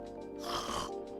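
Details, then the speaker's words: A single harsh, rattling snort-like inhalation over steady background music; an imitated snore demonstrated by an adult. "Which will be all of my 30 seconds before I start snoring on his shoulder. Snoring is that loud inhaling of air when you are asleep."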